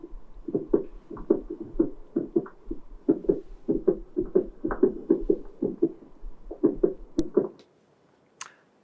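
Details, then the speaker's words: Dog at a slow heart rate: clear paired lub-dub heart sounds, regularly irregular, with beat spacing that speeds and slows; normal heart sounds with sinus arrhythmia. "irregularly sorry regularly irregular because it's typical sun is arythmia"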